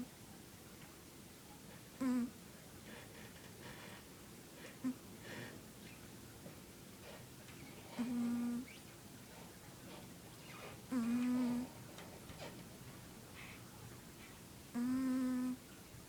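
A sleeping pet gives short whistling squeaks every few seconds with its breaths: wheezing during sleep.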